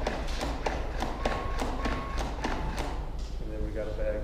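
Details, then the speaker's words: LUCAS 2 mechanical CPR device in a demonstration, compressing to 2-inch depth at about 102 per minute in 30:2 or continuous mode: regular thumping of automated chest compressions at about 100 per minute, with speech over it. "so easiest thing to remember is it just does two things it does 2in depth and it does 102 progressions per minute give or take two technically"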